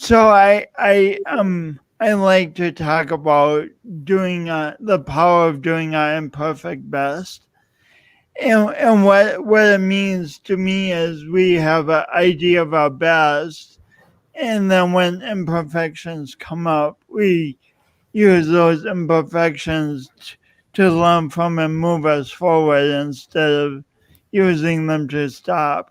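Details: Adult man with a self-described speech impediment, with repetitions of words and sounds; stuttering.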